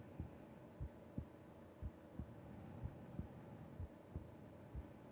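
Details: Heartbeat heard with the ear against the chest of a sleeping person: soft low thumps at about 60 a minute under a steady background hum; normal resting heart sounds.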